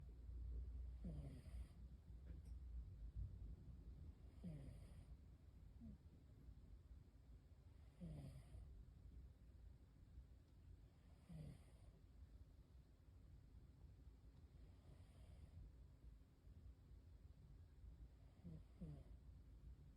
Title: Cat snore